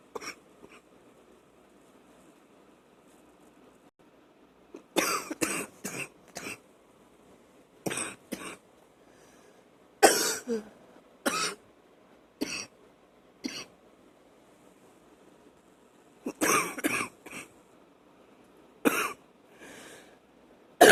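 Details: Wet cough at night after waking, with spitting up: repeated bursts of loose, wet coughing in short clusters with throat clearing in a quiet room.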